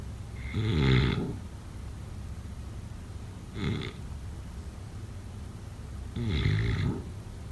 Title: #sleepnoises #snoring #sleepsounds #snoringasmr #snoringsounds #snoringsleepingsoundeffect